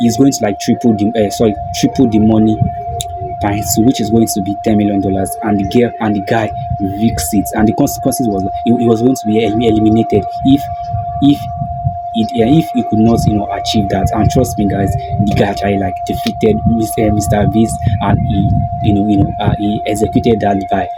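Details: Stuttering in an adult man who calls himself a stammerer; this stretch has a broken word and a repeated word.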